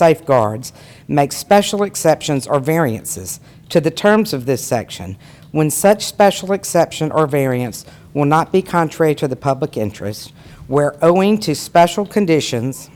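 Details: Adult speaker; typical voice.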